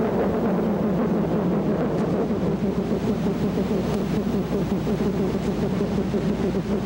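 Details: Needle EMG teaching recording: a steady, droning, high-pitched buzz like swarming bees from neuromyotonic discharges, which indicate continuous muscle fiber activity and are required for diagnosing Isaacs syndrome or familial continuous muscle fiber activity syndrome.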